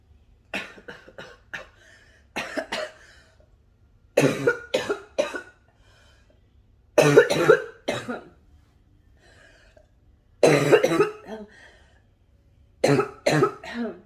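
Repeated bouts of deep, harsh coughing in clusters of three to four, with wet, rattly quality between; a smoker's cough.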